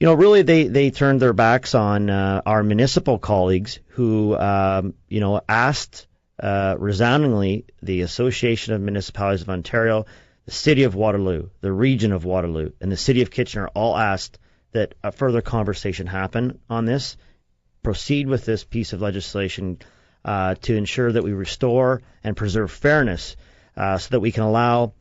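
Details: Adult male speaker, radio interview; ordinary speech.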